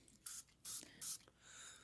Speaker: oh my God he actually has a throat spray when' you get a throat spray